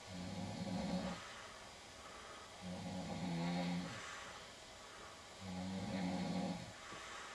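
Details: Snoring in a woman: three loud, low rumbling snores on inhalation, about 22 a minute, with quiet exhalations between.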